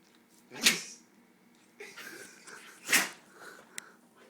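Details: A dog sneezing twice after drinking water up its nose: two sharp, explosive nasal bursts a couple of seconds apart, with sniffing between: sneezing.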